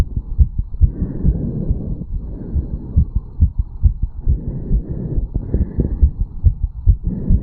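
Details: 34-year-old male after a quick morning jog or run, heartbeat recorded at the mitral/bicuspid valve area: rapid, strong, regular beats at roughly 130 to 140 a minute as the heart pumps hard.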